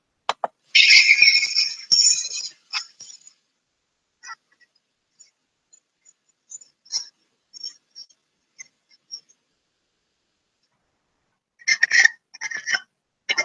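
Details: Harsh, high-pitched noisy breaths in bursts with quiet gaps between two episodes, in a child: stridor from a narrowed upper airway in croup.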